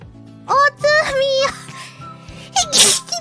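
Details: Hololive VTuber during a livestream: brief voiced sounds with background music, then a single sharp breathy burst near the end; sneezing.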